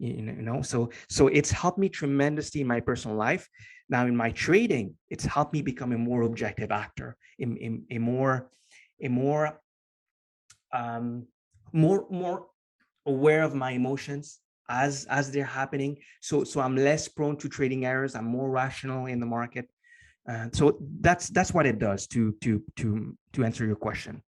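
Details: Lifelong stutter in an adult man, formerly unable to form coherent sentences, now barely audible after many years of meditation practice; stuttering.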